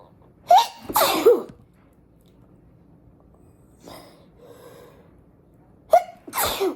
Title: Morning Breakfast & Morning Sneezes!